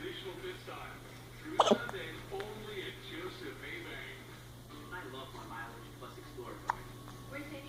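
A sharp hiccup, then a second faint one several seconds later, over quiet room noise and a low hum.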